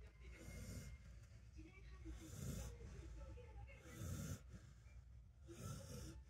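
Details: Dog sleeping comfortably in its favourite house: soft, low, snuffling snores at about 37 breaths a minute.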